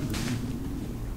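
A low, drawn-out rumbling gurgle with shifting pitch, typical of an ordinary stomach growl.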